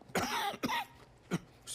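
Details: Cough: an adult man, a news presenter, coughs hard on air with three sharp, forceful bursts in quick succession, the last slightly separated; an ordinary acute cough.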